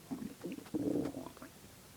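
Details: Low gurgling, bubbling rumbles swelling and fading over two seconds in a quiet room after 5 hours without eating: ordinary stomach growling (borborygmi) from an empty stomach.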